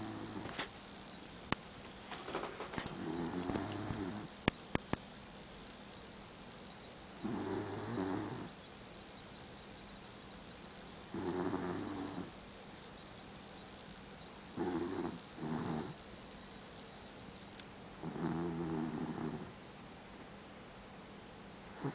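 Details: Dachshund mix dog snoring; five rattling snores at regular intervals, about fifteen per minute, with quiet room noise between breaths.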